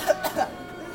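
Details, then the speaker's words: Acted cough from a child (daughter) in a pretend cough-syrup commercial skit: three quick, light cough bursts, simulated rather than a real illness cough. "wow she has such a bad cough she should use maddy's quiet relief cough syrup"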